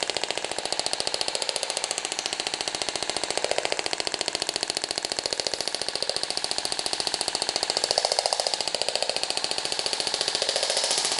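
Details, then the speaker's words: Radial shockwave therapy in an aesthetics practical class on a female patient's fibrotic cellulite area, with gel: rapid, very regular hissing ticking pulses until the set pulse count ends and the device shuts off automatically. "é finalizado a emissão do número de pulsos então vocês viram equipamento desligar automaticamente né"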